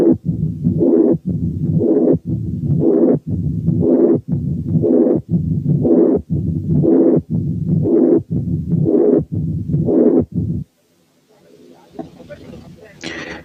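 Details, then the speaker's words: Double mitral lesion with dominant mitral incompetence and a calcified mitral valve: regular cycles near 60 per minute, a weak first sound, no opening snap, and a harsh pansystolic murmur plus a mid-diastolic murmur. "بعد كده نسمع حالة تانية دبل ماترال ليجن فيها dominant mitral incompetence وكالسيفيكيشن of the mitral valve، فالفيرست ساوند ضعيف ومفيش opening snap وبس مسموع pansystolic murmur وميد diastolic murmur."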